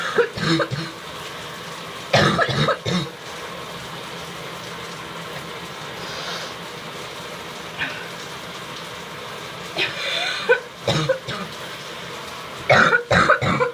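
Several bursts of wet, loose coughing with throat clearing and spitting, over steady running-shower noise.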